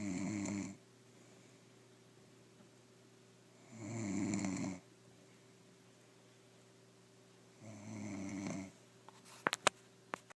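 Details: Woman snoring during sleep, with three rough, buzzing breaths about four seconds apart, quiet gaps and a steady low hum behind.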